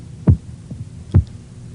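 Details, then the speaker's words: Two soft, dull pulse thuds about 70 a minute through the stethoscope as the cuff deflates; Korotkoff sounds softening or disappearing mark diastolic pressure, read as 80 (systolic 136). "continue to let the air out slowly be ready to note the pressure reading when you hear the pulse sounds change to a softer or faster thud or disappear this is the DI olic"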